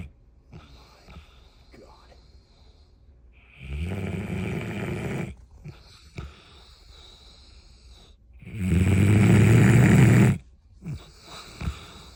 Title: Buford the Bloodhound. Epic Snores. Volume up!